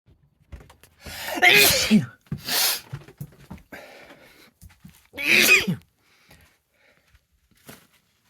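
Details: Sneezing while dusting a bedroom, attributed to dust allergy: three forceful explosive sneezes, the first with an audible inhaled build-up, separated by breaths and quiet.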